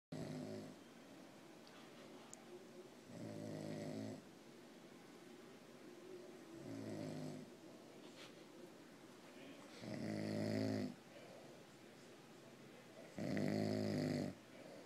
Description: My grandpa was asleep and he said he never snores. So my grandma and I tried to prove a point.